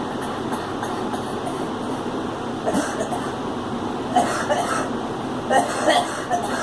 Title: Girl coughing